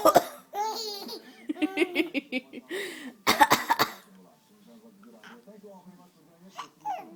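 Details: An adult gives a few deliberate, playful voluntary coughs while an infant laughs in response between them.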